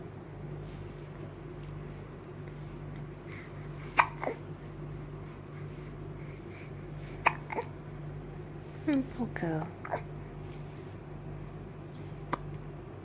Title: hiccups again!!